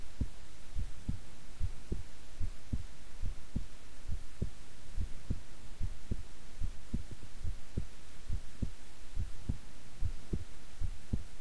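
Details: Long recording of own relaxed, resting heart sounds: steady, soft lub-dub heartbeat at about 70 beats a minute over a low hum; normal heart sounds.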